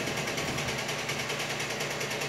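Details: Infusion pump delivering tumescent anesthetic fluid around the saphenous vein during endovenous laser treatment (EVLT) of varicose veins; steady loud mechanical whirring with fine rapid pulsing; patient reports no pain.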